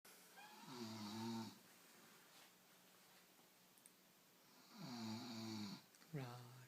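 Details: Woman asleep after drinking a full box of wine, sucking her thumb; she denies snoring. Loud, rough, buzzing snores on the in-breath with quiet pauses between, in a small room; snoring.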